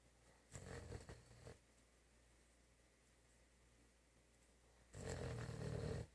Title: German Shepherd snoring